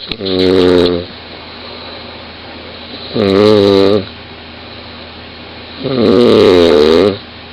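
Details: A 20-year-old woman snoring very loudly in bed, recorded by her boyfriend lying next to her: three loud, droning snores, each about a second long, roughly every three seconds with quiet breathing between; heavy snoring.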